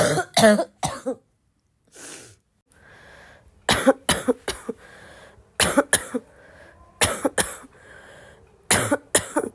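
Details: Girl still sick, coughing a lot, possibly a barking cough: about twelve harsh coughs in clusters of two to three, with quiet gaps and faint breathing between bouts.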